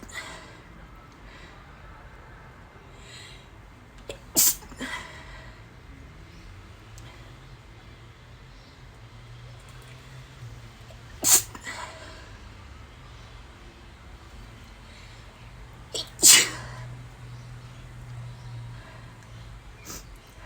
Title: Kazuha Cosplay Stifled Sneezes